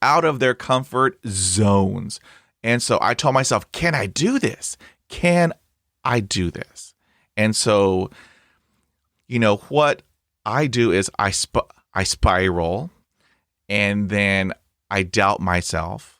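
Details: Adult man who stutters, hosting a real podcast; this stretch has repetitions. Finding: stuttering.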